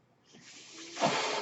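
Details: Soft hiss of rushing air building steadily and swelling loudly at the end, a ventilator delivering a breath during a podcast introduction; the speaker says the noise is from his ventilator; real recording.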